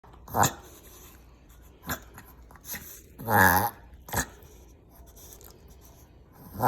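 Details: Chihuahua with repeated sharp snorting breaths and a honking inhalation; vet called it a common Chihuahua "reverse cough," owner suspects more, as episodes seem to worsen and he sometimes struggles to swallow or seems to cough something up: reverse sneezing.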